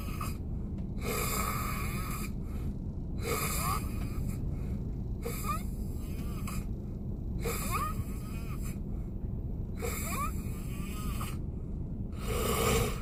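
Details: Adult man (boyfriend) snoring while asleep in a car on a snowy day, with rain-like sound: regular rasping snores about every two seconds, roughly 28 a minute, over steady engine-like rumble.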